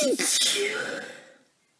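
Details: A single loud, explosive sneeze that fades over about a second, from someone who has had a cold for a few days and is exhausted, which may make the sneezes sound different from usual.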